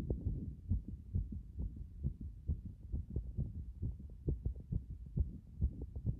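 Strong, rapid, deep thumping heartbeat, roughly 130 beats a minute, after a hot bath.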